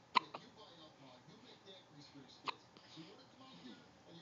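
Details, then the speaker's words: Hiccups again, about the tenth time today, looking very mad with little belly shaking: brief, sharp hiccups, a quick pair then another, against faint background talk. "delaney have the hiccups again look very mad it's a little belly would shake"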